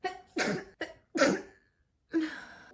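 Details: Adult woman has a sneezing fit while trimming and plucking her eyebrows: a fast run of short, explosive sneezes with brief gasps between them.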